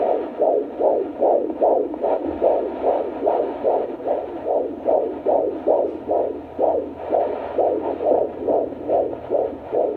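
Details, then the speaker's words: Fetal heartbeat of a baby boy at 27–28 weeks of an IVF pregnancy, heard on Doppler after the glucose test drink while the baby was calm: rapid, regular whooshing pulses at about 146 per minute. "so today he was actually chill which was surprising me and i just had that drink and so i will insert a little clip here of just his heartbeat that we got to hear"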